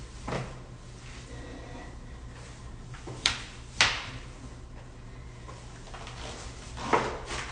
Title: loud joint cracking compilation